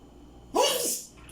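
One sharp, explosive sneeze with a brief intake before it.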